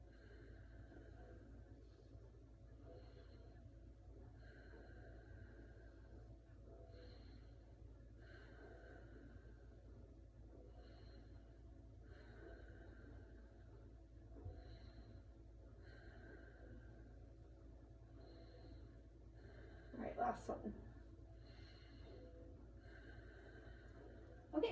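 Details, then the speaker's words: Anterior chest auscultation with a stethoscope during a respiratory assessment while the male patient takes deep breaths. Slow, regular breaths at about 14 a minute, with no wheezes or crackles; clear, normal breath sounds. "lung sounds are all clear"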